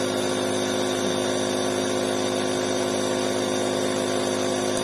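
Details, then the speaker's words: Omron InalaPop NE-C704 home compressor nebulizer switched on and producing mist: steady motorized hum with a constant pitch and faint rattle, a compressor nebulizer running. "mas o meu ainda tá funcionando como vocês podem ver vou ligar mais uma vez para vocês verem que a nebulização dele é hora é"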